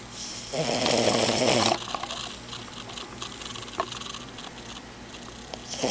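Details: 4-month-old, 12-pound French Bulldog puppy asleep on a lap, snoring: a raspy, noisy snoring breath, then quieter snuffling breathing in a small room.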